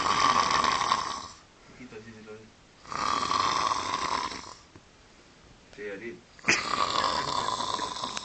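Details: Outdoor snoring at the beach: loud, harsh rasping breaths alternating with quieter, fluttering airway vibrations, with outdoor background noise.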